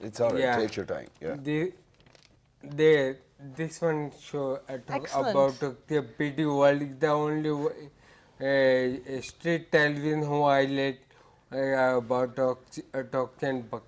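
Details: Adult male with hereditary ataxia for about eight years; ataxic dysarthria.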